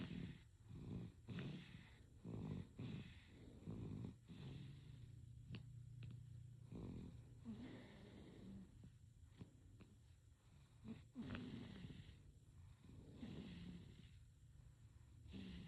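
Soft, rattly snoring breaths from a sleeping infant, about eight breath cycles in fifteen seconds, with faint room noise.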